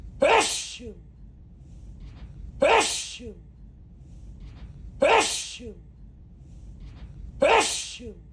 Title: Sneezing Spray (M)